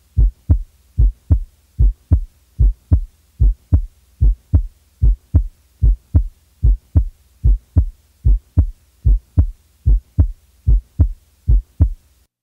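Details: Normal heart sounds in a cardiac auscultation demonstration: regular paired lub-dub S1 and S2 at about 74 beats a minute.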